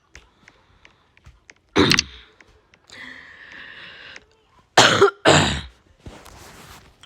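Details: Adult who says they are sick: three harsh cough bursts with quieter throat-clearing between them, in a small quiet room, during a gaming recording.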